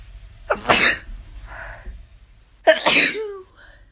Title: Random sneezes